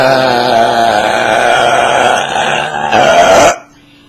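One loud, drawn-out, throaty belch lasting about three and a half seconds: a burp.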